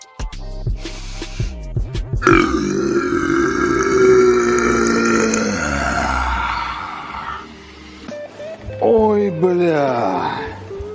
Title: Академик енот МЕГА ОТРЫЖКА, MEGA Burp Compilation